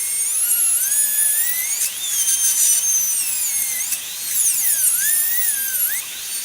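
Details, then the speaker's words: High-speed dental handpiece, a Chinese handpiece used for repairs, cutting a seized handpiece nut to spread it apart: high-pitched whine rising and falling in pitch under changing cutting load. "And really what we're trying to do is give ourselves room to flex. What we're trying to do is be able to kind of spread that nut apart."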